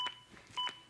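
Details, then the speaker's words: Two short electronic beeps about half a second apart from a ZOLL AED Plus adaptive metronome during a CPR demonstration, pacing chest compressions to at least 100 per minute; AED CPR metronome beeps. "If you do stop compressions, like I am now to give 2 breaths, the metronome stops. When I start back up, the beeps begin again and are synchronized to my compressions, and again speed me up to at least 100 compressions as recommended by the American Heart Association."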